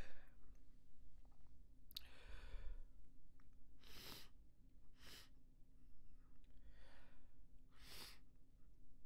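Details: Small stifled sneeze fit with nose blowing: several short, suppressed sneeze bursts with breathy noise between them over a low room hum.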